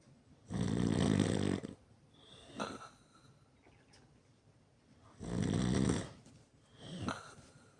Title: Me snoring pretty loud